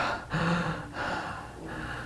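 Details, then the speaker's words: Imitated sudden snorting gasp as breathing resumes after a 43-second pause in a snoring person with obstructive sleep apnea. "and then all of a sudden it stops and then you listen and you listen and you listen it was 43 seconds before they breathed again"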